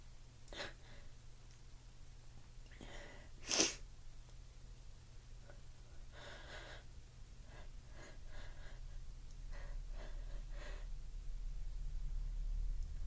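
One loud, forceful sneeze preceded by sniffing and catch breaths, with long quiet pauses between; an ordinary sneeze.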